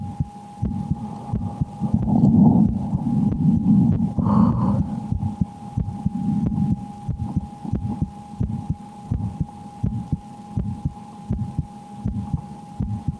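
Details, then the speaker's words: Heartbeat recorded through a stethoscope (H) as a baseline sound check before she starts the horror game Slender: The 8 Pages, a video about how her heartbeat changes with extreme fear. Fast, quick, regular thumps over a steady background hum and rustling. "Please let me know if the sound is okay for you, if you're hearing my heart."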